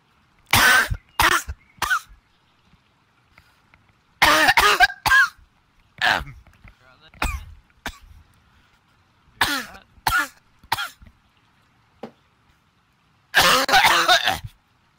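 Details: Cat coughing: repeated short cough bursts, grouped in about five bouts over fifteen seconds.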